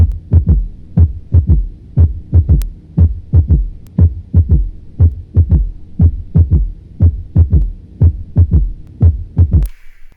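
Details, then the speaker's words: Heart sounds recorded with a stethoscope in a quiet room: a steady heartbeat near 60 a minute with an extra soft low thud after the second sound, a pathological third heart sound (S3 gallop). "ahora pasemos a los ruidos patológicos a continuación el tercer ruido"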